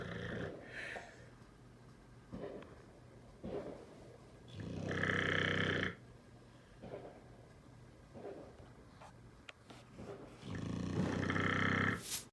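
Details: Pitbull dog sleeping soundly through fireworks: loud, deep, rattling snores repeating every few seconds, with occasional faint firework pops in the background; snoring.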